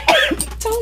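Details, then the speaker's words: A single short, harsh reflex cough with a throat-clearing quality from a presenter on a live TV arts programme after something went down the wrong way; cough. "i don't want to die on tv it just went down the wrong way it just went down the wrong way"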